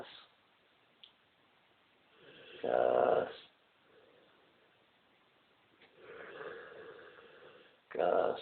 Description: my mastiff gus was out cold snoring like a train.